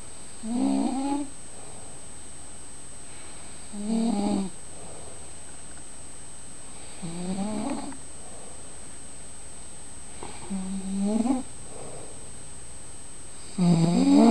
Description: snoring away!